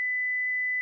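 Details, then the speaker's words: Single steady, high-pitched electronic alert tone under a second long from a Philips HeartStart FRx automated external defibrillator in a demonstration, sounding after the voice prompt "shock advised, stay clear of patient, press the flashing orange button now." "stay clear of patient analyzing heart rhythm shock advised stay clear of patient press the flashing orange button now"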